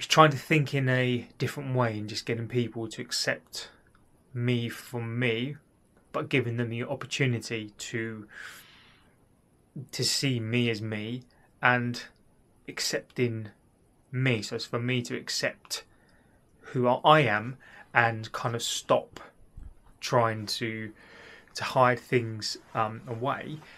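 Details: Adult man who has stammered since childhood: stuttering.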